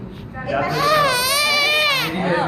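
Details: Newborn baby crying just after birth: a strong, sustained, high-pitched wail rising and falling in pitch, a vigorous normal newborn cry.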